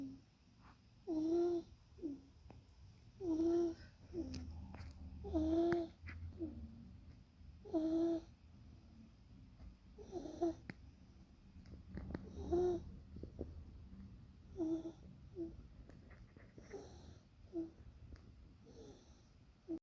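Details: A chubby baby girl asleep in a pram snores softly and loudly with a squeaky, musical edge on each breath, about 28 breaths a minute; infant sleep snoring.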